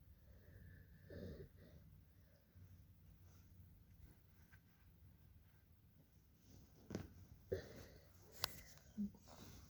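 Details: A child's noisy, harsh breathing with squeaky inspiratory sounds: inspiratory stridor from acute laryngitis (croup).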